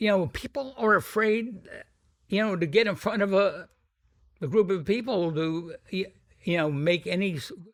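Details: Adult man with a sometimes noticeable stuttering that varies in severity; described by the host as a pretty strong stutter; stuttering.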